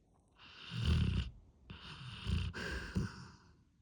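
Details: Snoring: loud, harsh, rattling snores with a snorting quality, several rough breaths within a few seconds.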